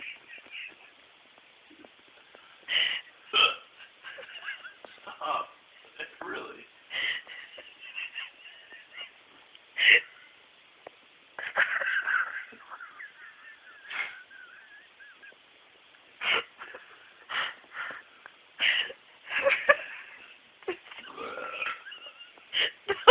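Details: Adult man with hiccups who keeps burping: repeated short, abrupt throat sounds, a mix of hiccups and burps, about a dozen over twenty seconds.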